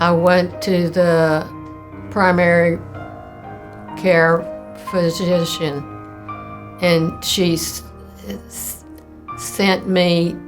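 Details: Elderly woman, recorded in 2019, with primary progressive aphasia (neurodegenerative, not stroke) slowly affecting language and speech; she is in an aphasia communication program credited with slowing decline, and died at 80 after a 5-year-8-month course: primary progressive aphasia.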